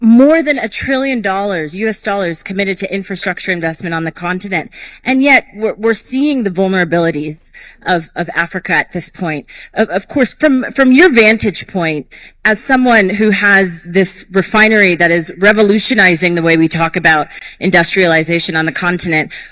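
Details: Adult moderator; Normal voice.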